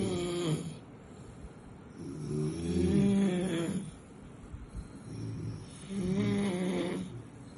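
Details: Rhythmic, rattling snores, about 19 a minute, with quieter breathing between them, from a sleeping puppy over a light steady background hiss; snoring.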